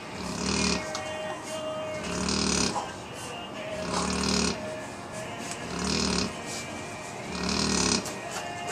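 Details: Very loud snoring while asleep: regular, rattling snores, about 33 a minute, heard under background music.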